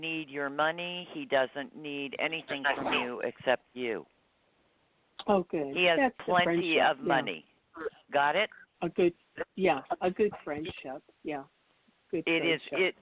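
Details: Adult speaker; normal voice.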